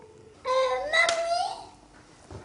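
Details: Girl aged 7½ with cri du chat syndrome (genetic), has not mastered language, uses Makaton signing, hard to understand even for familiar listeners; severe speech and language impairment in cri du chat syndrome.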